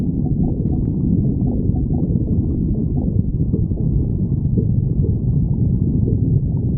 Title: stomach growling 52